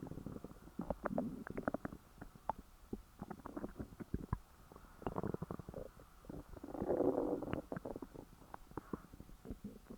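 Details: Active stomach growling after overeating, rapid clicks and gurgles with a longer rumble; bowel sounds (borborygmi).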